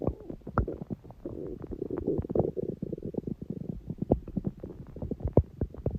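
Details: Long stomach growling (borborygmi): bubbling, gurgling rumbles with a drawn-out groan and scattered pops.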